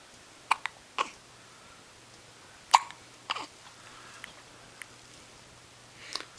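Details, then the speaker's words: 10-day-old baby girl with hiccups that shake her whole body: brief, sharp catches repeating irregularly, about six in six seconds, against quiet room noise. "Yeah, there's one. There's another hiccup. Poor girl. Hiccup. More hiccups?"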